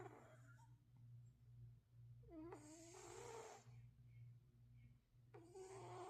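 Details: Cat (Uno) napping, snoring: two tonal, rasping breath sounds over a steady low room hum.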